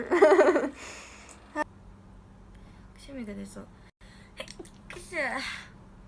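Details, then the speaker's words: A Japanese girl announces that a sneeze is coming, then gives a single loud, sharp sneeze followed by soft breathy sounds and small exhalations. "やばい、くしゃみ。はあ、待って。くしゃみが出そう。"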